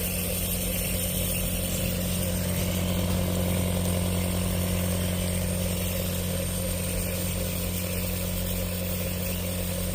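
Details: Nebulizer compressor running for a child with a cough: a steady, loud motor hum and buzz without pause.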